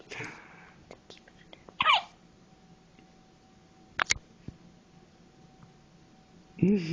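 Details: Newborn 24 hours old with hiccups: quiet room with two or three short, abrupt catches in breathing, each a sudden sharp intake.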